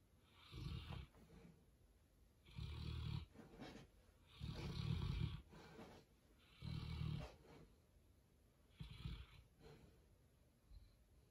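Loud, rumbling snores with each breath in and softer sounds on the breath out, about 15 breaths a minute; snoring in a sleeping dog.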